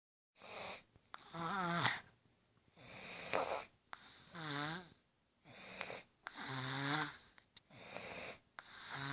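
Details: Snoring in a sick baby boy: rhythmic, noisy snoring breaths with a raspy, partly whistling tone on each breath.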